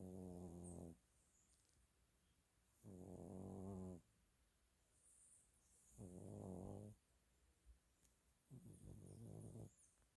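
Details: Dog snoring during a nap: rhythmic low rattling snores with each breath, about 20 a minute, separated by quiet pauses.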